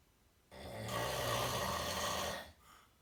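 A single harsh, rasping snore lasting about two seconds, rougher and higher-pitched than a typical low snore.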